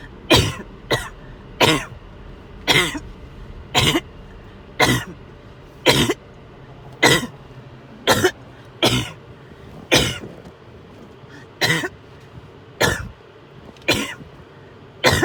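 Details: Repeated sharp, harsh coughs, about fourteen in fifteen seconds in a steady run, in a person with fever who felt overheated and sick to the stomach.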